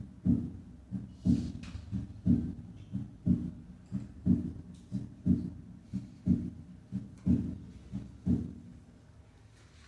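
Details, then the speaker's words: Physiological splitting of S2 at the heart base, 60 beats per minute, in a veterinary teaching recording; described as not usually detected in dogs and cats, with S2 split on inspiration and single on expiration. "escuchemos ahora el desdoblamiento fisiológico de s2 en la base del corazón como se ilustra en la figura 10 primero a 60 latidos por minuto"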